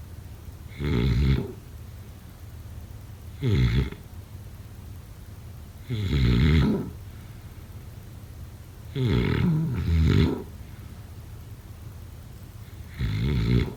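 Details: Heavy snoring during sleep: loud, rattling snores with each breath, about five bursts in fourteen seconds, some in double pulses.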